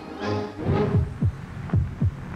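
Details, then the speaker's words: Brief tonal music gives way to deep, soft thumps of a human heartbeat, presented within an advertisement; heartbeat. "Ini adalah suara jantung manusia."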